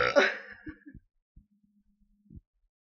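One loud, rumbling belch followed by a few faint throaty clicks in a quiet room. A burp.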